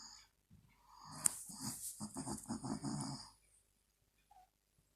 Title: Mum Snoring For Two Min (Wakes up)